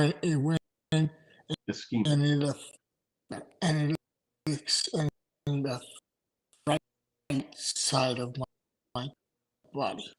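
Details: Adult male stroke survivor with aphasia after two strokes in November 2017; right-sided weakness, unusable right hand without feeling, short-term memory problems, 10 seizures since the stroke; aphasia.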